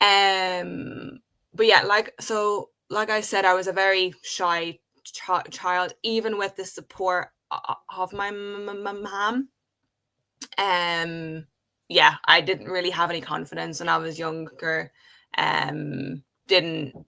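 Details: Adult woman who has stuttered since age five, speaking in a podcast conversation. Stuttering.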